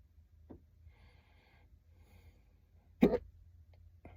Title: Hiccups in the car